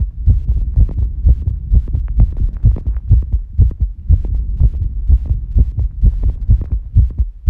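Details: Female heartbeat recorded after squats, during recovery: loud, rapid, regular thumping at roughly 125–130 beats per minute; normal fast heartbeat after exercise.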